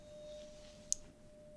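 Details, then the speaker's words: Simulated ASMR roleplay Rinne hearing test: steady, faint pure tone from a struck tuning fork placed on the mastoid process behind the ear, then in front of the ear, with brief voice prompts. "his time I'm going to strike the tuning fork and put it behind the ear right on the mastoid process and then I want you to tell me when you hear it and when it stops"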